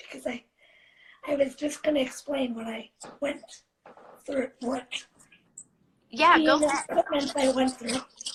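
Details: 17-year-old living with cerebral palsy, speaking spontaneously in a live interview; dysarthric speech in cerebral palsy.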